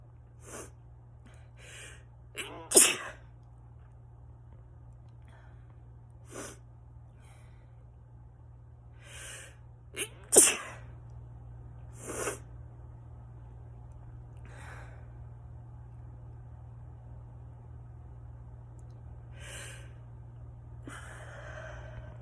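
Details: Allergic sneezing fit in autumn: a run of repeated sneezes from an adult.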